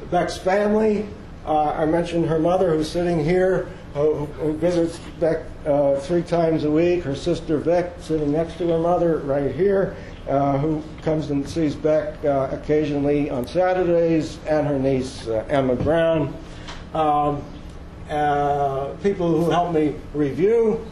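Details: Adult man speaking; normal speech.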